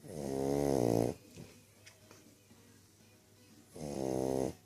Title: Budda the english bulldog is snoring loudly